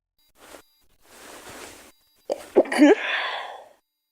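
A quick in-breath and hitching catches, then one sharp explosive sneeze with a trailing hiss of air.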